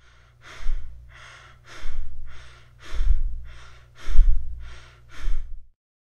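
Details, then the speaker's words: Imitated tachypnea: fast, shallow in-and-out breaths at roughly 50 a minute. "next we have tachypnea which is the rapid breathing and we see this in many disorders such as pulmonary embolisms and mais panic disorders and many others and here is how it sounds like"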